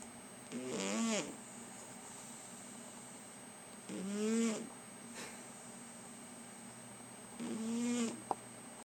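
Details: Three drawn-out, whistling, tonal snores about every three and a half seconds over steady room hum, from a sleeper lying on someone's lap; snoring.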